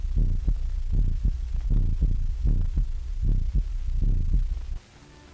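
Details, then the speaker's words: Deep, booming rhythmic thumps at about 78 a minute: amplified heart sounds through an electrical stethoscope, 1930 film, letting a roomful of students or consultants listen simultaneously. "a whole roomful of students or consultants can now listen to the same heart or body sounds at the same time"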